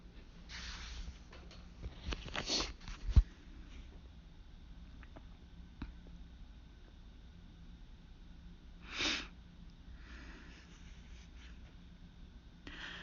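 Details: Hay fever (pollen allergy) sneezing fit: several sharp sneezes with sniffs between them, in a quiet room.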